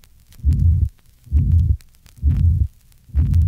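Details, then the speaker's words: Tricuspid regurgitation in a 1965 teaching recording, heard at the fourth left interspace left of the sternum: a pansystolic murmur whose loudness increases with inspiration, recorded through inspiration and expiration. "listen to the effect of inspiration on the pan-systolic murmur in a patient with tricuspid regurgitation see figure 91."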